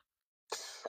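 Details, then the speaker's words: Adult about to have tea gives a single harsh cough after silence, trailing off into a breath. "All right, so yeah, the cough is definitely coming through now. So it's definitely time for my tea."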